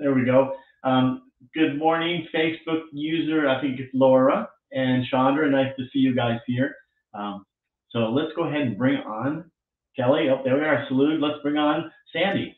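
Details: Adult male speaker; ordinary speech.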